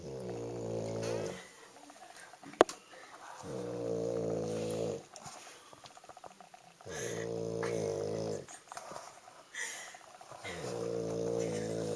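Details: Loud, buzzing snores from a sleeping woman, each lasting a second or more, repeating about every three seconds: snoring.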